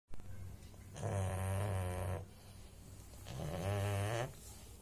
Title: pug snoring sound